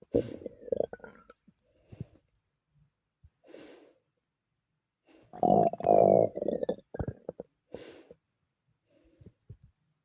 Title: my stomach growling 😭